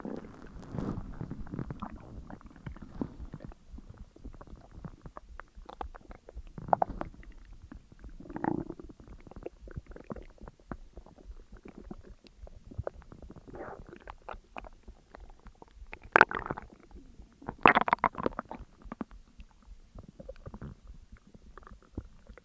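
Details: Ordinary gurgling, bubbling stomach rumbles in irregular bursts, heard during digestion after a large McDonald's meal of a double cheeseburger, large fries, a large coke and a caramel McFlurry: bowel sounds (borborygmi).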